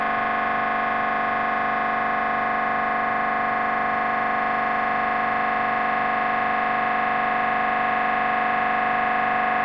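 Steady, loud, buzzing machine drone with a fast rhythmic pulsing of about two beats per second; MRI scanner noise during a scan.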